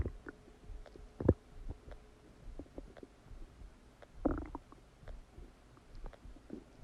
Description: Massive stomach digesting sound after eating a cheeseburger!